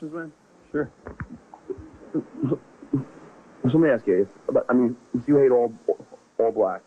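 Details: Adult man who has stuttered since second grade (childhood onset), speaking in an interview; stuttering.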